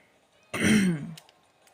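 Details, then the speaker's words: Adult man with a hoarse voice gives a single harsh, rasping throat clear lasting about half a second while playing a video game. "Attends, mais j'ai la voix cassée. Bordel, ça fait du bien."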